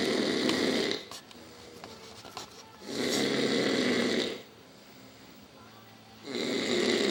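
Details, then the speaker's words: An adult man snoring, loud enough to keep others awake: harsh, rasping snores about every three seconds, roughly 19 a minute, with quieter gaps between. "Woke up for Logan's feeding. He's gonna kill me. But he's so freaking loud. Who can sleep?"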